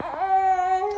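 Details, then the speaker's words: Baby boy with cough and catarrh, seen by a doctor and on medication, crying nonstop since morning: a single sustained, steady, fussy, irritated wail in a small room; infant crying. "now yeah see my baby SM is irritating him okay don't cry don't cry don't cry my baby don't cry"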